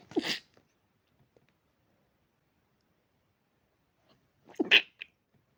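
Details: Dog sneezing, described as allergy-related "pinch sneezes": two sharp, hissy sneezes several seconds apart in a quiet room.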